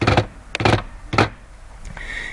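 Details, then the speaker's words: Gallop rhythm from a third heart sound on auscultation, a sign of left-sided heart failure: clustered heart thumps with an extra sound after the second beat. "and a gallop rhythm an additional heart sound a third heart sound might be healed when we auscultate the heart it gallops sounds like this"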